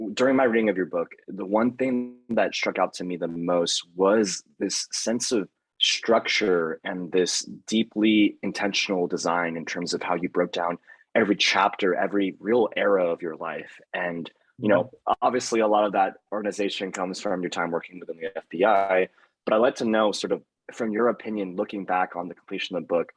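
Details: Adult male speaker; fluent speech.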